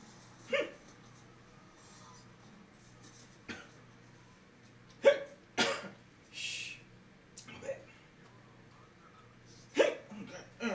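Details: Hiccups in a staged comedy skit, a man with a bad case of hiccups: several short, sharp catches of breath at irregular intervals over quiet room noise, with a few other small noises between.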